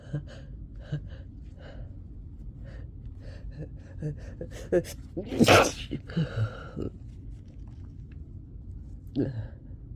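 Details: Recording during a summer cold with nonstop sneezing: sniffing and snorting breaths, then one loud sneeze over room noise; sneezing from a cold.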